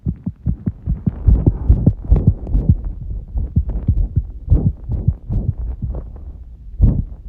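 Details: Heart sounds recorded under pressure, tachycardia.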